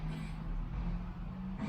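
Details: Adult with moderate sleep apnea syndrome and prior nasal surgery imitating snoring on request during flexible nasopharyngeal endoscopy: steady, low, rough rumbling vibration with a faint droning tone.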